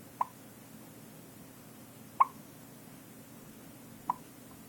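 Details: 2-week-old infant with hiccups: three brief, sharp hiccup sounds about two seconds apart in a quiet room.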